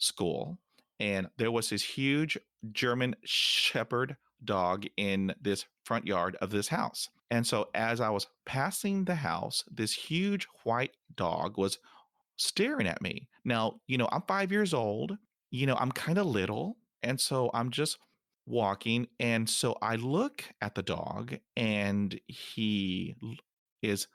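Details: Man almost 50 who stutters; he says he could not speak after a dog attack at age five, and after decades of speech therapy went from zero to about five percent fluency; stuttering.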